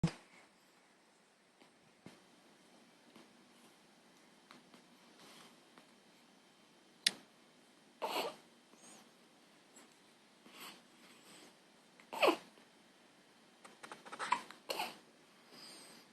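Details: Morning hiccups in a young child just after waking: a few brief, sharp catches of breath a few seconds apart in a quiet room.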